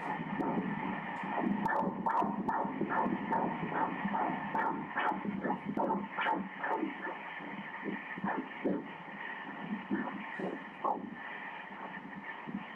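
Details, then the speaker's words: Normal fetal heartbeat on ultrasound Doppler at 145 beats per minute while the baby moves: rapid, regular whooshing pulses. "em bé đang di chuyển nhịp tim là 145 nhịp mỗi phút 145 nhịp mỗi phút"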